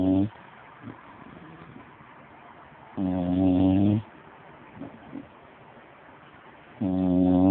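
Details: Loud, low buzzing snores about one second long, repeating roughly every three to four seconds with quiet breathing in between; snoring.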